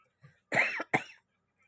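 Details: Adult with tonsillitis gives two short, harsh cough bursts after a faint low grunt, coughing again.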